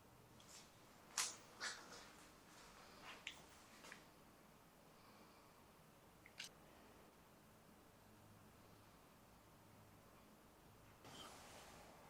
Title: sneezing (sample)